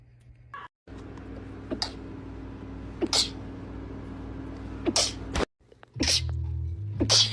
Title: Cute Girl Sneezing 46